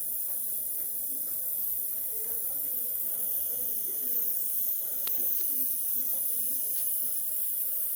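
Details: Nebulizer running during emergency treatment of an asthma flare; the patient received two aerosol inhalations.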